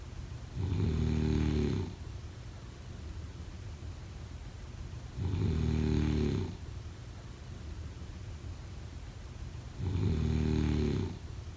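Three loud, low, rattling snores about every 4.5 seconds, roughly 13 breaths a minute, with quiet exhalations between: snoring during sleep.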